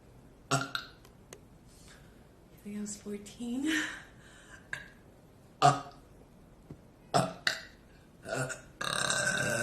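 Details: Girl burping after drinking very fizzy club soda: a series of loud burps with short pauses, some drawn out, counted aloud, followed by room noise.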